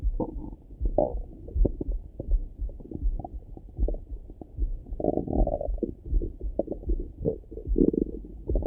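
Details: Own stomach rumbling in the morning heard through a stethoscope: irregular gurgles and rumbles, ordinary bowel sounds (borborygmi).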